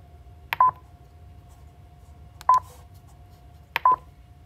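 Three short double beeps, roughly one to two seconds apart, from a defibrillator running its self-test, against a quiet room.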